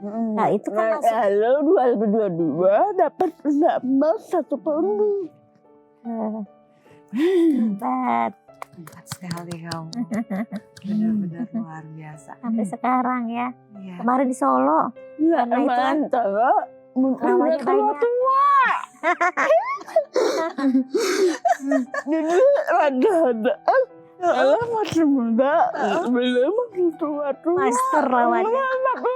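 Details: Dysarthria in a young woman with cerebral palsy from birth, with speech difficulty and delayed walking (beyond age two) since childhood.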